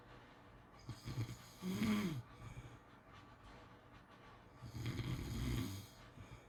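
Two slow snoring breaths, a rattling noise on breathing in, about ten breaths a minute, with quiet room noise between.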